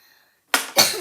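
After a brief quiet pause, a child gives two sharp, harsh cough bursts in quick succession, with faint room noise before them.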